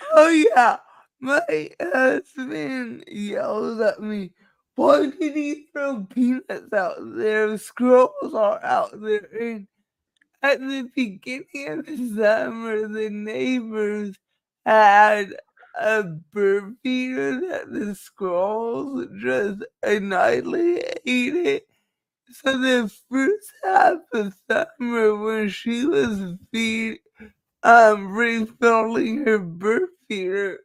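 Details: Dysarthria in a woman who states it is caused by her cerebral palsy and that nothing can be done about it.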